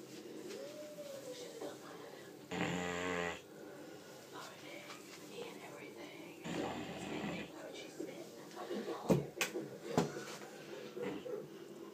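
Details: Two loud, buzzing snores about four seconds apart from a sleeping dog, with quiet room noise and soft talk between them; very loud dog snoring.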